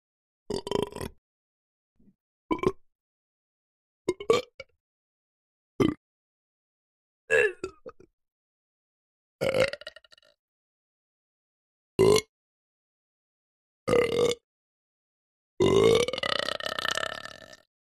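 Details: Burp sound effect: a series of about nine short, throaty burps (eructation), the last one long and drawn out.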